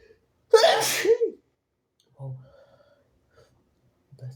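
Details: One loud, harsh sneeze from a nonbinary person who is sick, with a sharp inhaled build-up and forceful burst, followed by faint breathing; harsh sneezing with some coughing.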